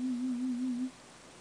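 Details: Short low warbling pure-tone audiometry signal under a second; third hearing test with a cochlear implant at an ear unit, hearing level reaching the speech banana.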